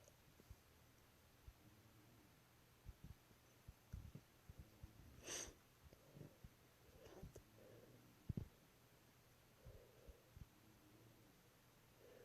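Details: Induced sneezes from a person sick for over two months who has caught another cold: one loud, explosive sneeze with softer snorting and breathing around it.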